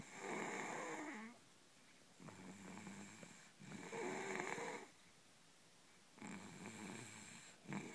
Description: My boy snoring